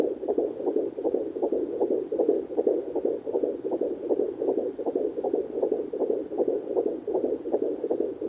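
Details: Fetal heartbeat at 14 weeks 1 day on a Sonoline C2 Doppler: rapid, regular whooshing pulses at about 158 beats a minute.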